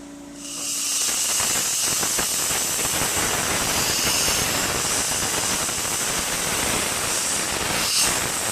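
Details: Loud continuous high-pitched hiss of pressurised air and water spray carrying a sodium bicarbonate slurry from a dental air polisher removing stain from a patient's teeth.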